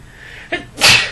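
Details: Girl sneezing, possibly from allergies: short breath in followed by a single sharp, hissing burst, one normal sneeze.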